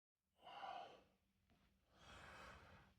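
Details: Two breathy gasping breaths in a quiet space, a sharp intake then a long sighing one, heard on waking in the morning while camping after a colleague's snoring kept the speaker up overnight.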